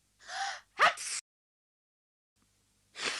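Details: Acted cartoon sneeze by Anne in Anne of Green Gables, apparently from a cold: rising gasping intake, sharp burst, then another breath after a pause.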